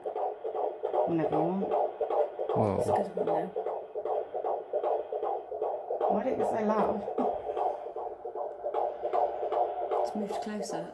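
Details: A baby's heartbeat heard for the first time on Doppler: rapid, regular whooshing pulses at about 150 beats a minute with faint voices nearby, a fetal heartbeat.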